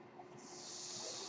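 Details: Noise of the speaker's own home mechanical ventilator: a steady airflow hiss that swells midway, with a faint constant hum underneath, in the background while talking.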